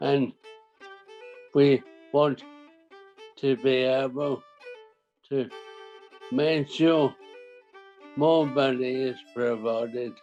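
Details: 63-year-old man with primary lateral sclerosis, a rare form of motor neuron disease, for about 5.5 years; dysarthria.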